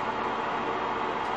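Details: Cough assist machine demonstrated by a respiratory therapist for airway secretion clearance in ALS: steady loud rushing airflow during a forced breath cycle, roughly four-second deep insufflation then forceful four-second exhalation.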